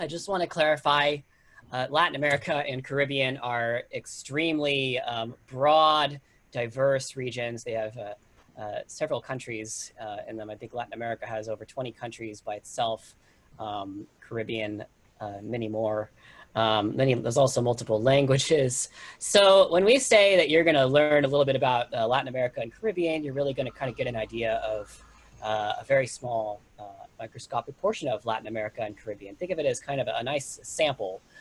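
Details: Adult male speaker; ordinary speech.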